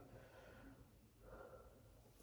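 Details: Normal vesicular breath sounds on lung auscultation while the patient takes repeated deep breaths; all lung fields clear, no crackles, no abnormalities.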